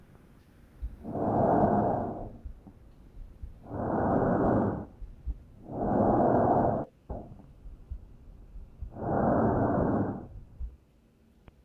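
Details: Tracheal breath sounds played in a physiopathology lecture on respiratory sounds.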